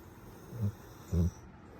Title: Grown Man Snoring with your eyes open is CRAZY 😂👀🐶 #puppy #canecorsolovers #canecorsopuppies